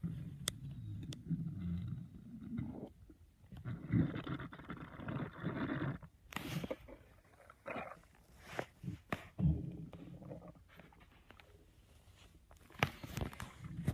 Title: My stomach growling in a library